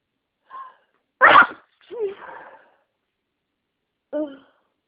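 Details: A short breath intake then one forceful sneeze and brief voiced sounds, deliberately induced by inhaling an allergenic massage bar, with sinus congestion from a cold: sneezing.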